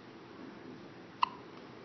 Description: has her first hiccup!